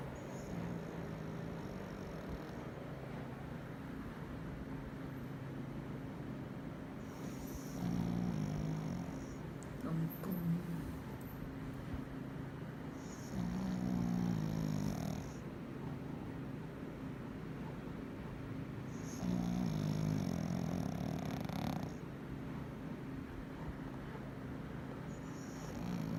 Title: Snoring Pekingese